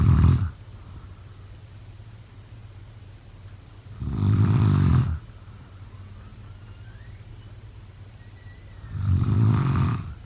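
Loud, low rattling snores about every five seconds, roughly 12 breaths a minute, with quiet between them.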